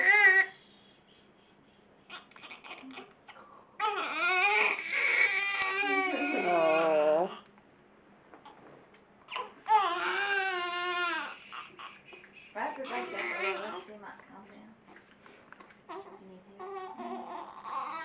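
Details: A baby girl cries in bursts with wailing, rising and falling cries and short pauses between them, over quiet room noise.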